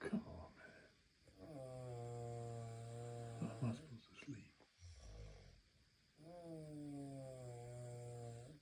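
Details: Long, deep, buzzing snores on the in-breath with quieter breaths between, from a sleeping adult woman (wife); loud snoring.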